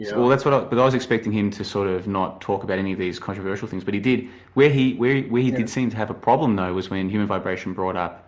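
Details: Adult male speaker; typical speech.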